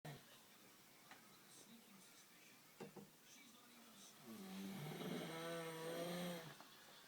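Quiet shuffling, then a long, rumbling, throaty breath sound with a buzzing tone, like a deep snore.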